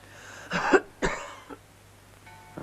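Two short, forceful coughs in quick succession with faint background music; an acted cough during a staged examination.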